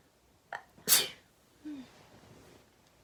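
A short inhaled catch followed by one sharp sneeze, then a small voiced sound afterward.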